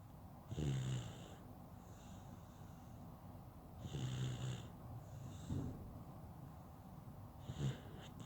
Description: Baby snoring while taking a nap